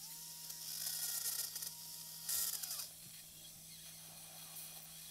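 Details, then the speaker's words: Live posterior cervical C3–T2 decompression and instrumented fusion for deformity and disc herniations: high-pitched whine of a high-speed neuro drill bit in short bursts with pauses while the surgeon palpates bone with the tip; surgical drilling. "Notice how I'm drilling a little bit, and then I'm palpating with the tip of the drill. So a surgeon that knows how to use these drills, we always feel with the tip."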